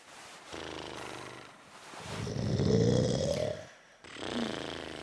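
Loud, rough breathing noises with a rattling, vibrating quality on inhalation, rising and falling across two breaths: snoring.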